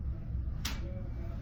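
A sharp metallic tap, then a faint, steady mid-pitched hum over low room noise: a tuning fork struck for the Rinne hearing test.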